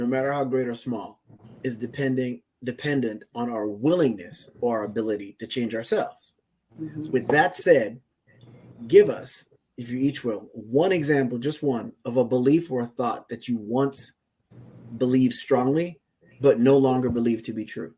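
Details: Adult male speaker; typical speech.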